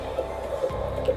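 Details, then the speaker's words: Fetal heart tones heard by Doppler during midwife abdominal palpation, with the baby kicking; rate in the 130s, within the 110–160 normal range; normal fetal heart tones. "130s excellent heartbeat and so i always tell moms like 110 to 160 is a normal range"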